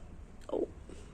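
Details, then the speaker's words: Female pet sleeping peacefully sprawled out in the drawing room, giving a single short, soft snorting snore followed by a fainter breath over quiet room noise; snoring. "तो वो खर्राटे हो ले रही है। सुन रहे हैं खर्राटे, सुन रहे हैं इसके।"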